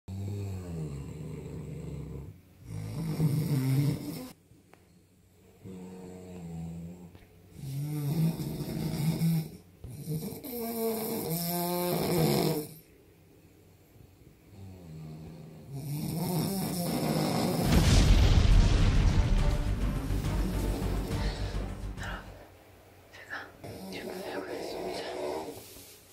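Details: Loud, rattling low snores in irregular bursts, one long and especially harsh, from a newlywed husband with habitual heavy snoring despite failed snoring surgery, CPAP and nasal dilator: snoring.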